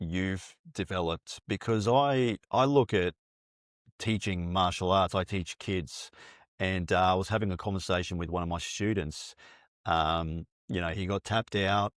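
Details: Adult man; typical speech.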